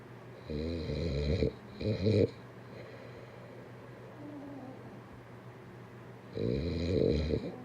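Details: Loud buzzing snores on the in-breath, separated by quieter pauses; typical snoring during sleep.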